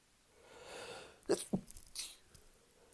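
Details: Sneezing fit while drunk: a quick inbreath, then two sharp sneezes in close succession and a softer trailing burst.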